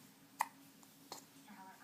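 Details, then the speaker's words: Girl seeming uncomfortable: two brief, sharp, soft catches about 0.7 seconds apart in a quiet room; hiccups. "Oh, you're having a hiccup now. Who gave it to you? Huh? Who gave you a hiccup?"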